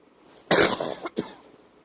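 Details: Night wet cough on waking, bringing up and spitting phlegm: one loud harsh cough burst then a shorter second, loose and moist; a productive cough.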